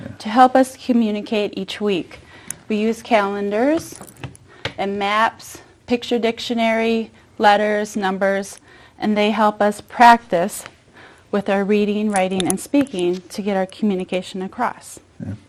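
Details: Adult woman speaking; typical adult speech.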